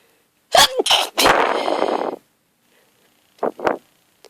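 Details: Hungover adult woman who fell asleep in the garden has a hay fever sneezing attack from grass pollen: one loud explosive sneeze with a long noisy trail, then two short sharp sneezes.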